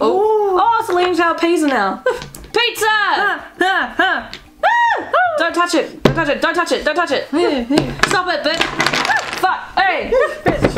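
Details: Vocal tics of Tourette syndrome in a speaker with Tourette's, heard as repeated phrases with coprolalia.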